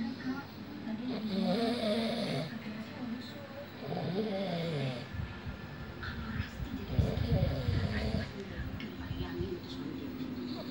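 Low, rough fluttering snores with each breath in, repeating over several breaths, with faint background noise: snoring during sleep.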